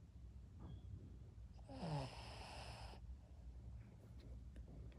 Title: Cute Shih tzu snoring while sleeping #shihtzu #funnyshorts #ytshorts #ytshort #youtube